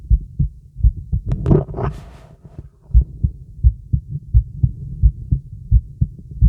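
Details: Strong, low heart thumps of a young woman heard through a stethoscope at about 86 beats a minute, with a brief rustle early.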